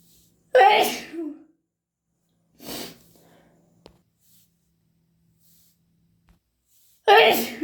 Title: Wet and desperate hayfever sneezes + blows! 🤧🤧